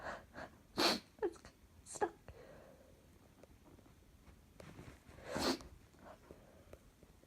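Several sharp, explosive bursts with quick breaths and sniffs between them, in a quiet room with faint noise: a run of sneezes.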